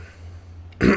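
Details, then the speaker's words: Adult gamer whose voice is going after coughing the wrong way, with a tickle in the throat: a low hum, then one short, rough throat-clearing burst. "Am I sick? No. I just coughed the wrong way and now I'm now I sound like [ __ ] Steo."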